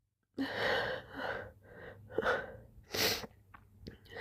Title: Loud, slimy sneezes and soft moans ♡ #sneeze #sneezing